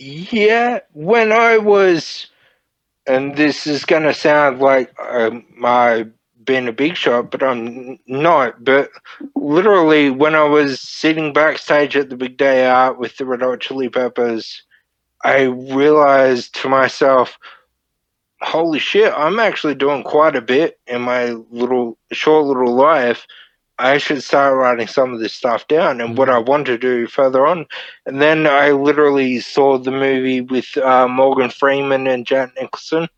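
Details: Man, 31, with Friedreich's ataxia diagnosed at 14, a neurodegenerative disorder; he reports slurred speech and word-finding struggles as part of the disorder; finding: ataxic dysarthria (slurred speech).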